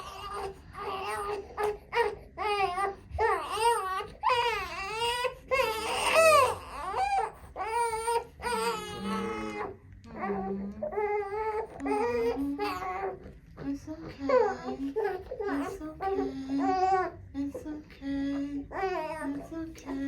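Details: Infant boy crying during his first chiropractic adjustment: repeated wails and whimpers, with a soft adult voice now and then.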